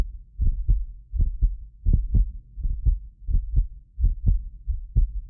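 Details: Heartbeat of a medically fit adult recorded with multiple precision contact microphones: steady deep lub-dub at about 85 a minute; some beats doubled by microphone delay, not the heart. Normal heart sounds.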